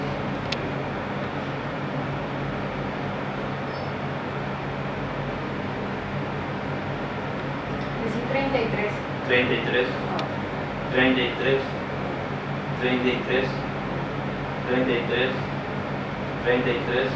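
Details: Normal vocal resonance heard through the chest wall during a normal respiratory auscultation exam: the subject repeats "treinta y tres" (33) after deep breathing, producing muffled spoken phrases over a steady hum.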